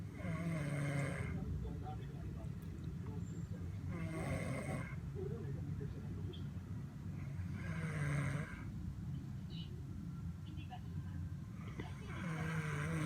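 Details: Soft, rhythmic snoring from a sleeping baby, about four breaths heard, with steady low background noise; snoring.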